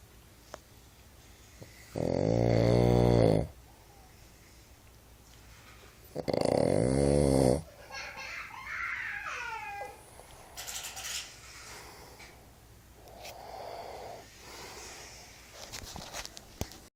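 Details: Adult man (father) asleep: two loud, rough snoring breaths about four seconds apart, then quieter breathing and room noise; ordinary snoring.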